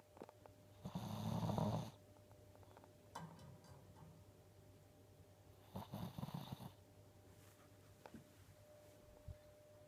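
Two long, harsh rattling snores about five seconds apart, with quiet breathing in between, over a low room hum; ordinary snoring.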